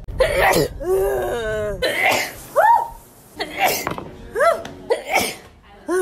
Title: 100 Miles per Hour (a sneeze compilation) Part 2